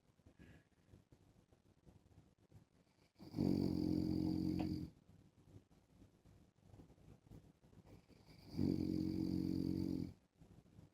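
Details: Husband snoring in sleep while wearing a mask: two long, loud, rumbling snores about five seconds apart, with quiet breathing between them.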